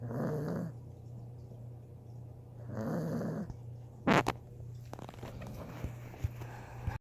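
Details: Puppy named Michone asleep, snoring really loud: two loud, rough snoring breaths about three seconds apart over a steady background hum and a brief knock.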